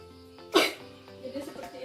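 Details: Nursing student's simulated demonstration of the effective cough technique, done after deep abdominal breaths, for clearing phlegm: a single forceful cough burst over background music.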